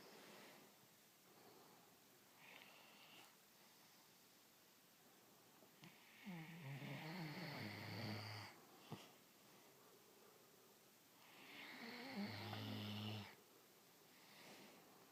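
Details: Sleeping dog snoring: two long, rough, rumbling snores on the in-breath with quiet pauses between, in a quiet room.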